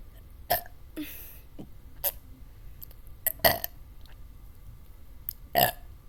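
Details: Burping after drinking Dr Pepper in a burping challenge: repeated loud belches, about five in six seconds, irregularly spaced.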